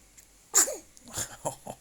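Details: Three-week-old baby sneezes once with a short, sharp, breathy burst, followed by soft snuffly noises and faces; infant sneezing.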